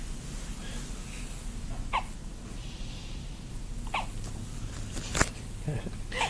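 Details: Baby with hiccups: four short, squeaky hiccups about one to two seconds apart in a quiet room.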